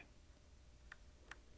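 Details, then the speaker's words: Philips HeartStart AED training demonstration: after a shock is delivered, the device's CPR metronome gives sharp ticks about 100–110 a minute to time chest compressions, pushing the chest down two inches, hands centered between the nipples. "place your other hand on top of the first push the chest down firmly two inches keep time with the beat"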